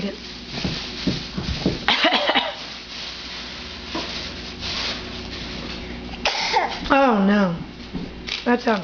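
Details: Child deliberately fake coughing, showing off: a few forced coughs mixed with voiced sounds over steady room hum; voluntary cough.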